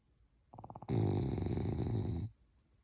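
A short fluttering inhalation followed by a long, loud, rattling low snore from a sleeping small dog.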